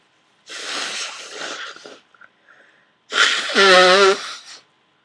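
Two forceful sneezes, the second ending in a voiced burst; loud sneezing with a cold.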